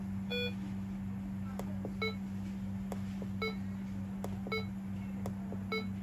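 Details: Primedic DefiMonitor EVO monitor-defibrillator connected to a simulator: simulated monitor QRS beeps at a normal rate near 70 per minute, over a steady electrical hum and clicks.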